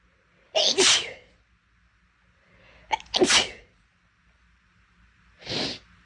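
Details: Three sneezes from a girl, each with a brief intake then a sharp burst, the last softer and breathier: sneezing.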